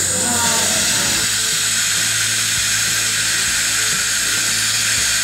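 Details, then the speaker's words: Steady high-pitched hiss and whine with a low hum beneath: a hand drill making a pilot hole through the cortical bone for placing a site-specific orthodontic mini-implant (TAD). "on a similar patient a pilot hole through the cortical bone is achieved using a hand drill"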